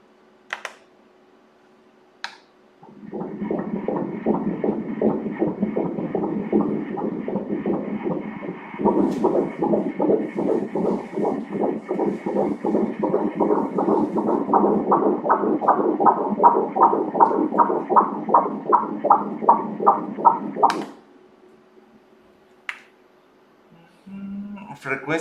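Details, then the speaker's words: Fetal heartbeat on Doppler during an ultrasound at 16 weeks of pregnancy: rapid, regular whooshing pulses, 159 beats per minute, normal. "Tazama hapo mkono unatengeneza mapigo ya moyo wa mtoto"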